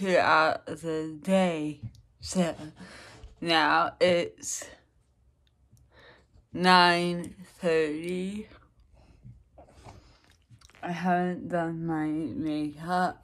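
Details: Woman with dysarthria, recorded in the afternoon after lunch while documenting daily speech changes with practice, energy and mood. Finding: dysarthria.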